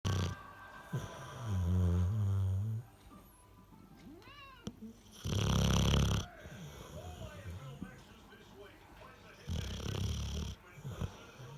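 Loud, low, rattling snores recur every few seconds, with room sounds between them; snoring in a flat-faced dog.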